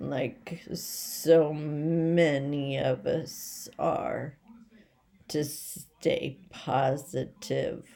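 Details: Adult woman with essential tremor, badly out of control and rapidly progressive, affecting mainly her head and voice, with word-finding difficulty and leg and hand weakness; awaiting movement disorder specialist visits; voice tremor (essential tremor).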